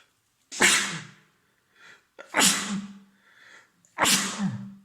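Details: Three forceful sneezes in quick succession, each a sharp inward catch then an explosive burst, from an adult man with a common cold; three days of congestion, a stuffed yet runny nose and a sore throat.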